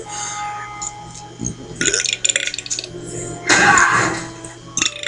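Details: Burping: a few short burps, then a louder, longer burp near the end, over background music.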